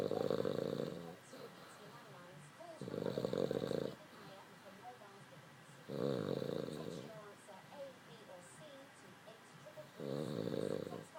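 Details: Dog snoring, can get even louder: loud rattling snores about every three to four seconds, with quieter snuffling breaths between them.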